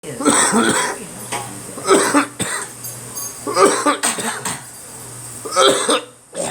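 About four loose, wet-sounding cough bursts with pauses between them, in a person with a cold; some faint background noise.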